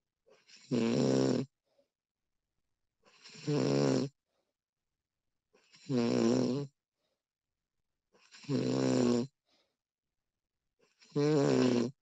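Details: Woman snoring during sleep, recorded with professional audio: five loud rattling, throaty snores on each breath in, about 23 a minute, with quiet pauses between.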